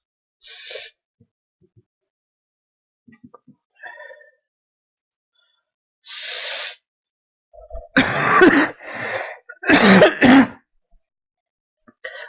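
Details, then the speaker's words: Adult still sick and recovering from an illness the previous week: two nasal sniffs, then about three loud, explosive cough or sneeze bursts. "still sick so still recovering from last week so you will hear sniffles and blowing up the nose and coughing lots of coughing"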